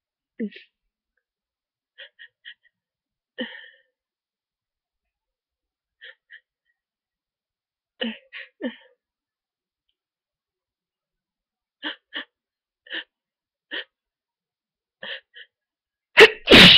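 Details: Several short, muffled, stifled sneezes with sniffing between and a loud nose blow at the end, from someone in bed with a cold that began with fever and sore throat, now very stuffy; sneezing with nasal congestion.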